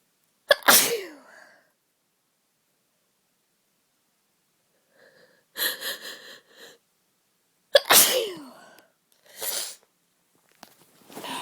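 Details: Two forceful sneezes, each with a sharp burst and trailing voiced tail, with quieter sniffing between, from a woman who has had a bad cold for a few days; sneezing.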